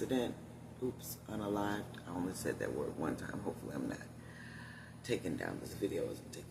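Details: Adult woman with one vocal cord paralysed, voice lost about three years ago; she must push much more air out to speak and tires when speaking loudly; unilateral vocal cord paralysis.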